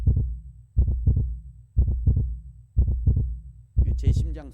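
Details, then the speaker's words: Steady strong lub-dub heartbeat at about 60 beats a minute, with brief voices at the end; presented in a sermon. "소리예요 인간의 수명을 평균 80 정도로 보면요이 80년 동안 저 심장 소리가 몇 번 냐면 약 20억에서 30억 번 뛴 대요"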